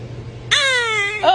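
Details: Baby crying: a brief high-pitched wail with falling pitch, then the start of a second cry, just before the baby seems about to sneeze; infant cry.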